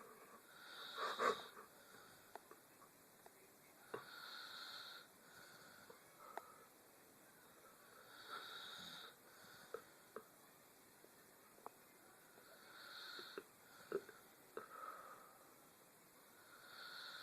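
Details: Person asleep: soft whistling snores on each breath, roughly every four seconds, about 14 breaths a minute, with faint clicks between; snoring.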